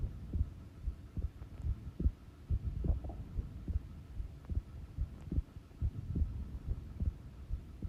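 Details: Resting heart sounds recorded at rest: soft, regular low thumps at about 70 a minute under a faint hum; normal heart sounds.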